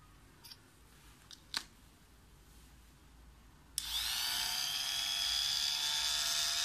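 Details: Medical orthopedic cast saw (plaster cutter), new device: a few faint clicks in a quiet room, then a sudden steady high-pitched motor whine as the oscillating saw switches on; cast saw running.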